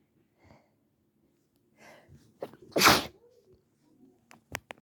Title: Mostly wet sneezes with some attempts at stifles 😅